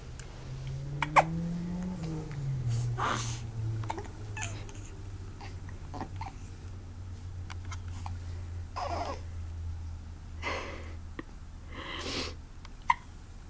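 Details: Repeated brief, sharp hiccups from an infant boy, with soft cooing and room noise between them; ordinary baby hiccups.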